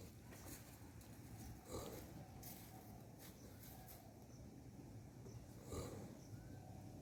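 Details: Young bull sitting and sleeping: two soft, snorting nasal breaths over steady outdoor background noise.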